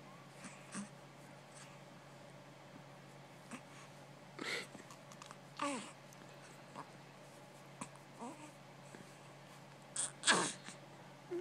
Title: My Baby making noise in his sleep